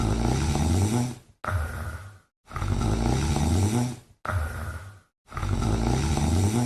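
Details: Deep, rumbling snores alternating between longer and shorter breath phases, about 22 breaths a minute; a female cat snoring while asleep.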